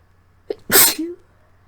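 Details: Induced sneeze from a person with a lingering, atypical cold felt mostly in the throat, with frequent coughing: quick intake of breath, one loud forceful sneeze, short voiced trail-off in a quiet room.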